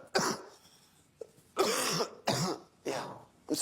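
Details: Run of about five loud, harsh, wet-sounding hacking coughs in quick succession, with a short pause after the first: cough.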